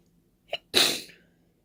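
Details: Deliberate open sneezing without a tissue, trying not to blow nose: a brief sharp intake of breath, then a single loud, wet, open sneeze burst that fades out; sneezing.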